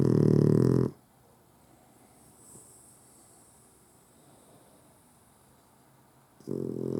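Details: Puggle (dog) sleeping with eyes open: two loud, harsh snores separated by several seconds of quiet breathing; snoring.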